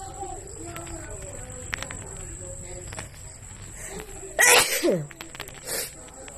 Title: Wide Nose Sneezes Philippines.